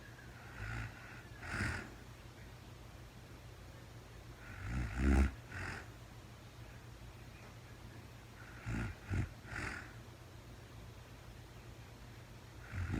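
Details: Real-time recording of a woman sleeping, very tired, no talking: low rumbling snores with each breath, about five over thirteen seconds, in a quiet room; ordinary snoring.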